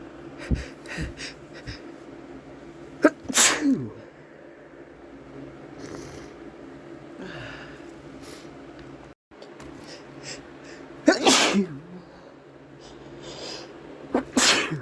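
Several loud, explosive sneezes, each with a quick inhaled build-up, from an adult man; sneezes set off by sneezing powder.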